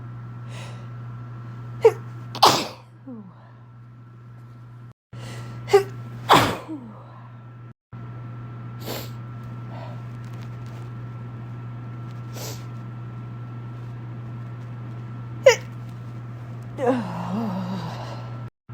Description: little compilation of some of the sneezes i’ve been able to capture throughout the day! coming down with a cold?? or winter allergies??